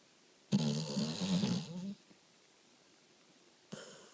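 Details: Pitbull rescued off the street two months earlier, asleep: a loud, rough, rattling snore on one breath, a quiet pause, then the start of another; snoring and sleep-talking.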